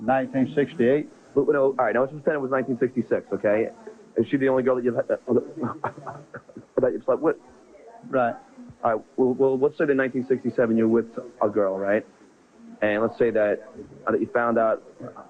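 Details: Stuttering in an adult man who has stuttered since second grade, heard while interviewing someone.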